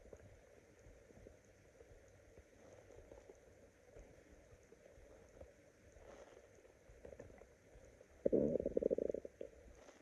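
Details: Hungry person's stomach growling: quiet, low gurgles with a brief louder rumble near the end.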